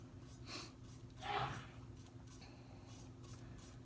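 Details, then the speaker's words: A single muffled sneeze from a man in the background of a quiet room with a steady low hum. "Sorry if you can hear that. That's my husband sneezing in the background."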